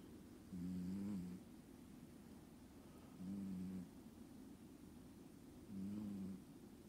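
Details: Sleeping cat, snoring more quietly than an American Shorthair: three soft, low buzzing snores in steady rhythm, about 24 breaths a minute; mild snoring.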